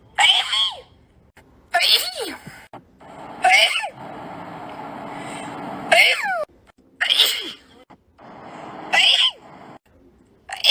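A run of six sharp, high sneezes, some with a squeaky voiced ending, separated by short pauses. Repeated sneezing.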